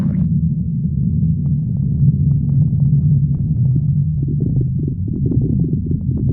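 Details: Continuous low rumbling and gurgling with bubbly pops in the last seconds; stomach growling (borborygmi).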